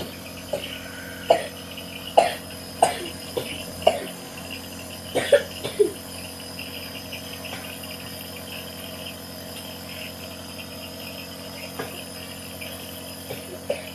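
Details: Coughing with a common cold: several short, sharp coughs in the first six seconds, then quieter isolated coughs over a steady background hum; cough.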